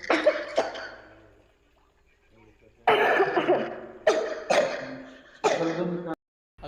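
A run of about six harsh, abrupt coughs with some throat clearing, in two clusters separated by a brief pause; a cough.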